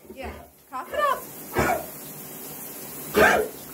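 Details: After brief speech, a dog with bad allergies, draining eyes, on Benadryl and finishing Augmentin, gives two harsh, dry hacking bursts while taken to shower steam; allergic cough mimicking kennel cough.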